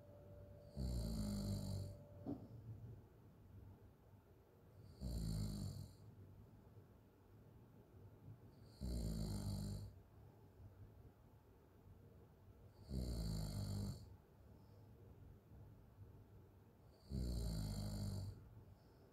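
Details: Open-mouth snoring: regular low, rattling snores about every four seconds, roughly 15 breaths a minute, with quiet breathing between.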